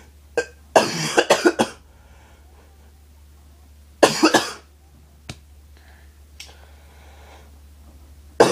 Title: cough cough